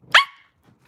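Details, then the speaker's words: Young woman with Tourette syndrome: a sudden, sharp bark-like yelp that bursts out and fades, an involuntary barking vocal tic; she says barking was probably her first vocal tic. "My first vocal tick was probably barking. Genuinely barking or throat clearing."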